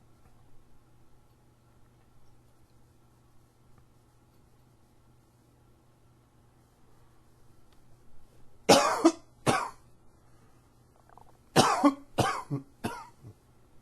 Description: Allergy tickles got me going.